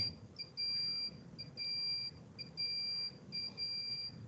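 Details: Repeating high-pitched electronic alarm tones, about one burst a second, from an ECMO centrifugal pump motor console alarm during circuit setup in a teaching session.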